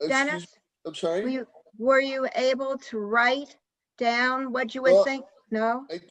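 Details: Adult woman speaking; no disorder.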